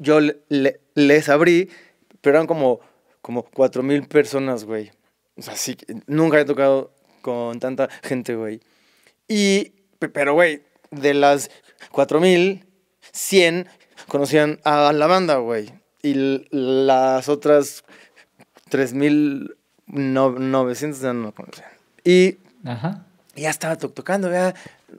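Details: Stuttering in a Mexican male singer who has stuttered since childhood; he reports no stuttering when singing and stuttering less when drunk.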